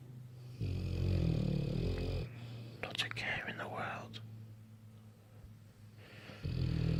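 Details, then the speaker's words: Bullmastiffs asleep on the bed; owner says they snore loudly: deep, loud, rumbling snores from a large dog, with quiet room sounds between them. "I've got four company as I said the passive does snore loudly"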